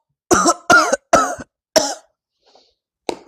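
Four sharp, harsh voiced bursts in quick succession, then a brief short sniff or snort; an irritant cough from inhaling a strong-smelling powder.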